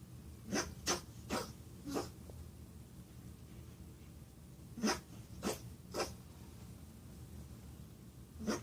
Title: Sneezing bunny